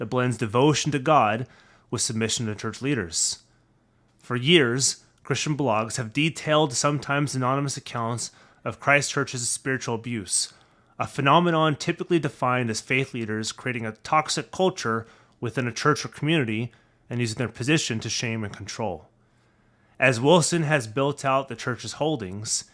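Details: Adult male speaker; normal voice.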